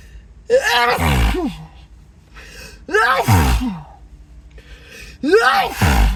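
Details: Acted sneezing fit: three loud sneezes in quick succession, each with a rising voiced wind-up; the sneezer reports a tingling, buzzing nose and dizziness and suspects an allergy.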